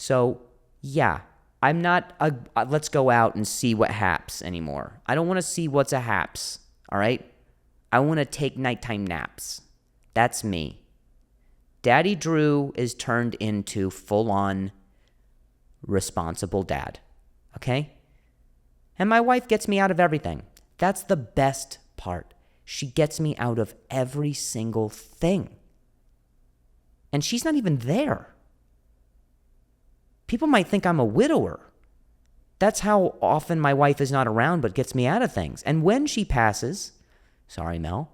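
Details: Adult male comedian who stutters (speech impediment), speaking on a podcast; audible repetitions; stuttering.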